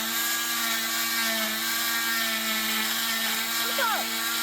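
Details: Oscillating cast saw cutting through a cast during cast removal; the blade vibrates rather than spins, giving a steady high-pitched whine.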